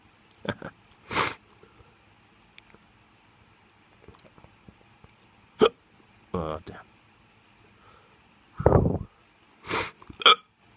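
Several abrupt hiccup sounds mixed with short vocal noises and breaths, irregularly spaced; hiccups in an intoxicated adult.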